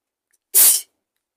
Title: Induced sneezes (Part 2) 💕